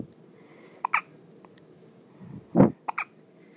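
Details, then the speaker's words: Two-day-old newborn boy, awake in hospital, with hiccups: several short, sharp hiccup sounds in a quiet room. "what are you doing those make loud noises don't they you did that all the time in mama's belly yeah"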